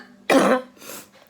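A single loud, harsh adult cough followed by a quieter rasping exhale, consistent with a productive cough clearing mucus.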